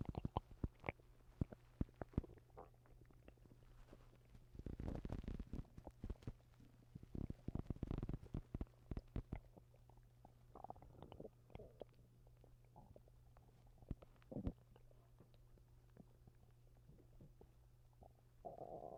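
Irregular low gurgles and squelching rumbles from the belly, with a steady low hum behind them: stomach rumbling.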